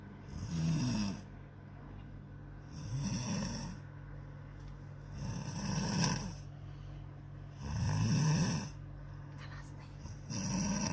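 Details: Loud, rumbling snores repeating about every two and a half seconds, roughly 25 breaths a minute, each with a rattling inhaled snore, during sleep: snoring.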